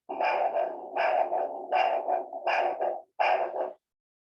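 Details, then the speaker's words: Arterial Doppler flow signal over the dorsalis pedis during lower-limb arterial Doppler exam, rhythmic whooshing pulses about 80 per minute with several quick parts; signal can be monophasic, biphasic or triphasic. "You should obtain an arterial Doppler signal, which can be monophasic, biphasic, or triphasic."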